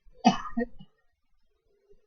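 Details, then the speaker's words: Assisted cough: after a deep breath, a helper's thumbs at the xiphoid push in and up on the ribcage, producing a single short, forceful cough burst with a brief voiced tail. "if she can take or they can take a deep breath you want them to take a deep breath and you want to push in and up on the ribcage will show you on the count of 3 1 2 3"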